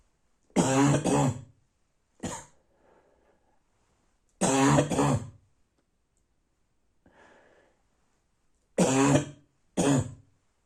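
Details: Barking cough at night: about seven harsh, hoarse cough bursts in three bouts, mostly paired, with quiet breaths between.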